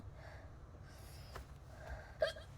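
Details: Korean girl hiccupping: a single short, sharp catch of breath with a soft voiced click over quiet room noise.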